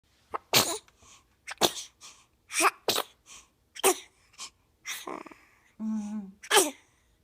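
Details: Infant sneezing and cooing: repeated short sharp sneezes, about seven in a row, with soft baby coos between them; ordinary infant sneezing.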